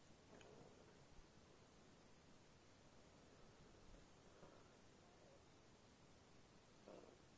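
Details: Dog's loud stomach noises (borborygmi): low, steady rumbling with a few brief gurgles. The owner hopes she hasn't somehow been poisoned.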